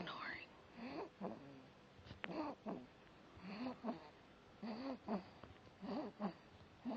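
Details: Chubby little son sleeping, with rhythmic, whistling snores in repeated paired breaths over faint room noise; snoring with a tonal, whistling quality.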